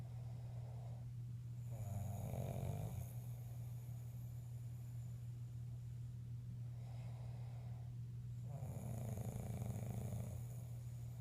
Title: My dads loud snoring part 2